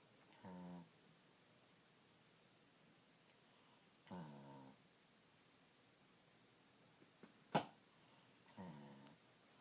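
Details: A dog snoring while lazing.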